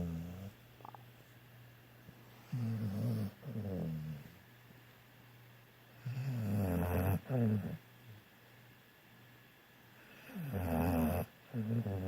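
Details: Person snoring while asleep: slow, rough, rumbling breaths at about 16 a minute, with quiet pauses between them.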